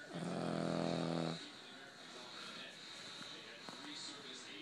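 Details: One short loud buzzing snore, then quieter snuffly breathing, from a sleeping Boston Terrier, a flat-faced dog.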